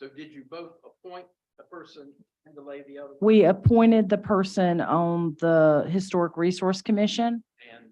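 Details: Adult speakers in a meeting room; normal speech.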